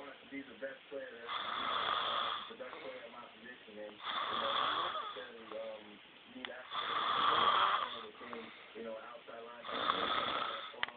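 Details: Snoring: rough, rattling snores on each breath, roughly every two to three seconds, with quieter breathing between.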